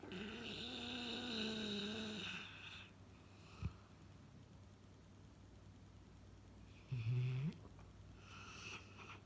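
A sleeping dog makes low rumbling snores with nasal whistling on the breaths, in a quiet room.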